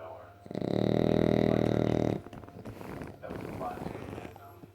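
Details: French bulldog snoring very loudly while sleeping with eyes open: one loud, rattling snore under two seconds, then quieter noisy breathing.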